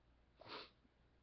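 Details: Man sitting chatting on camera, describing his sneezing attacks, gives a single soft, hissing sneeze against quiet room noise.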